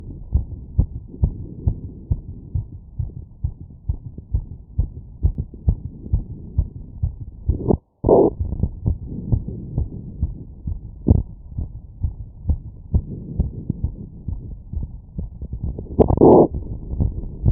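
Fast, strong, regular heart sounds through a stethoscope, a normal quickened heartbeat after physical exertion.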